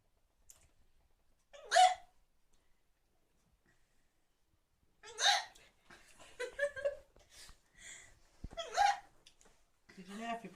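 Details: Female with hiccups: about three sharp, brief voiced catches recurring irregularly over ten seconds, with soft laughter and talk between.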